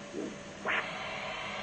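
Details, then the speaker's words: Hand-held Doppler over the common femoral artery at the groin, patient supine: a sharp pulsatile whoosh over steady hiss, a normal triphasic arterial signal typical of healthy legs. "again a triphasic signal is typically found in healthy legs"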